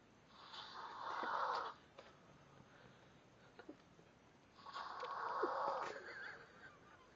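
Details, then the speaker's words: Woman snoring while awake, head off the pillow, possibly stuffy nose: two long, rough, fluttering breaths with a soft nasal rattle, room noise between; snoring through a partly blocked airway. "Ma I think you need to put your head on the pillow because the way you're doing it is making you snore"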